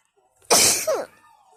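A single loud, wet, hissing sneeze burst with a brief trailing vocal sound.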